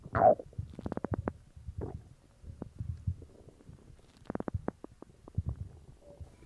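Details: Gurgling stomach rumbles with bursts of quick bubbly pops in a quiet room after drinking cola; normal bowel sounds (borborygmi).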